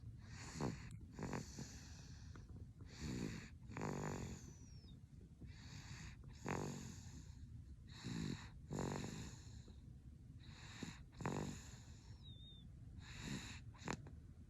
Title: Baby snoring 😴